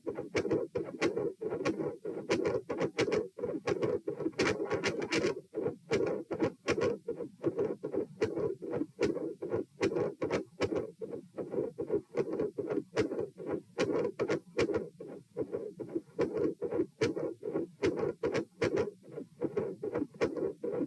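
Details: Stethoscope heart sounds at position P, supine, during repeated dry swallowing: sharp, scratchy sounds near 76 a minute, uneven spacing from early beats. Premature atrial contractions with swallowing-related heart rate increase; PDA questioned.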